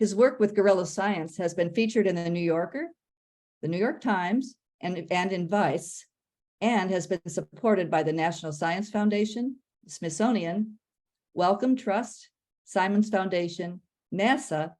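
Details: Adult woman speaking; normal voice.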